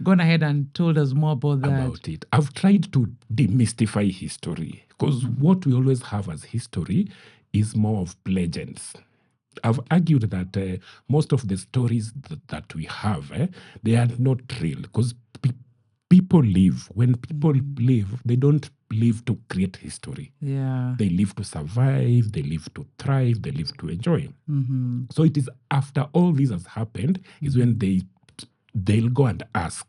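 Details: Adult man who stammers, saying it is genetic, inherited from his mother, and at times acute; word and part-phrase repetitions are heard; stuttering.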